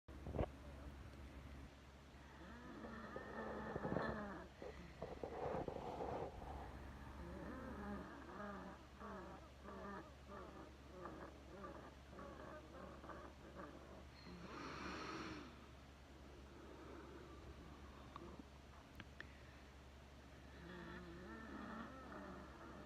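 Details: Loud, buzzing, multi-toned whistling with breathing, described by the person as crazy-sounding, over a steady low hum: wheezing from narrowed airways.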